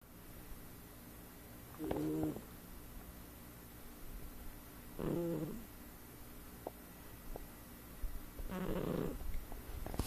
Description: video i took of my cat snoring. i have never had a cat that does